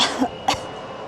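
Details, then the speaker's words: Adult demonstrating a controlled cough for clearing phlegm, head bowed, looking at the feet, hands on the abdomen pushing upward: two short, deliberate coughs. "Как только вы чувствуете, что вам нужно покашлять, вы наклоняете голову, обязательно смотрите на свои ступни, кладёте руки на живот и как бы, когда вы наклонили голову, положили руки на живот, животом немножко как бы вверх подталкиваете этим и в этот момент кашляте."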